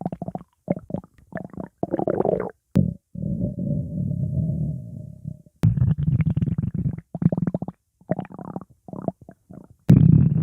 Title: Stomach Growling